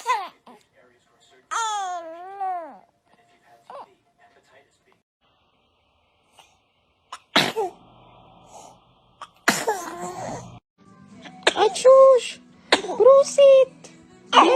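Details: Brief sharp bursts from a baby, fitting small sneezes, with the baby's rising and falling vocal sounds and adults nearby saying "bless you".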